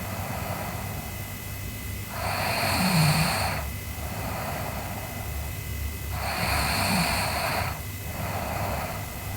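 Slow, rough breathing with two loud snoring breaths, about 4 seconds apart, over steady background hum.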